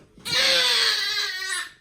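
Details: Baby girl crying during a chiropractic session for spinal tension (thoracic, upper cervical, diaphragm) and breathing problems, just after work at T11–12 felt looser: one long, loud, high-pitched wail held steady, then tapering off; ordinary infant crying.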